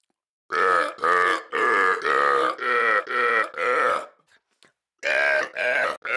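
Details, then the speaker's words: Voluntary melody burping by a burping champion, applying pressure on the larynx to set pitch: seven long, deliberately pitched burps, then two more, shaped into a tune. "you can do even more complex Melodies just like this one"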